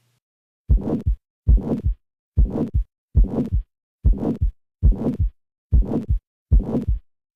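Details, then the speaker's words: Harsh systolic heart murmur: a loud, rough murmur with high and low pitches produced together by a high pressure gradient and large flow, filling the gap between each pair of heart sounds, regular rate near 70 a minute. "this will create a subjectively serious sounding murmur which is frequently termed harsh"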